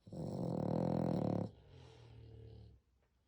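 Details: French Bulldog sleeping, snoring very loudly: one loud, rough, rattling breath, then a softer one; a second dog also snores in the background.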